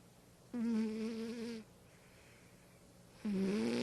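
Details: Snoring from a sleeping animal companion who lived 1985–2012: two long, buzzing snores with a steady humming tone separated by a quiet pause.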